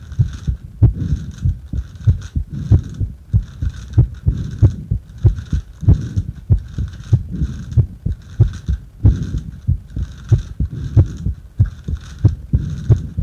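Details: Heart sounds during paper-bag breathing, clear regular heartbeat at about 94 per minute with some breathing noise behind it.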